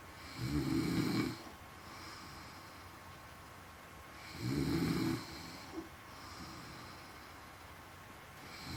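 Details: Adult woman snoring: two loud, rough, low snores on breathing in, about 15 breaths a minute, with quiet breathing out between them; ordinary snoring.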